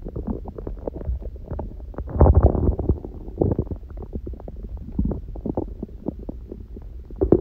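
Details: Hunger stomach growling recorded lying down, person on a raw-food diet eating one meal a day: low, irregular gurgling rumbles with a louder surge midway; normal borborygmi.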